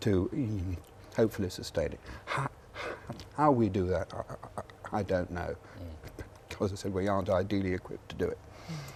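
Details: Adult man with a real stammer, speaking live in a television interview; stammering (stuttering).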